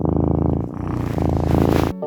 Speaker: Jadi gini Mas Bro kucing ngeluarin suara dengkuran kayak gitu punya tujuan tersendiri diantaranya yang pertama adalah si kucing lagi dalam kondisi nyaman